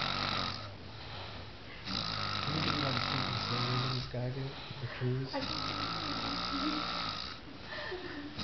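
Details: Loud, rattling snores on each breath in a small room, with a rough vibrating quality; snoring.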